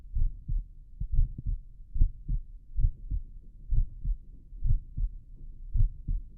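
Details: Adult heart auscultation with a stethoscope in left lateral decubitus position; steady paired low thumps about 65 beats a minute with a soft low rumble between beats: heart sounds.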